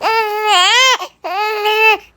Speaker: Kapag umiyak ang iyong baby, hinahayaan mo lang ba or tinutugunan mo agad?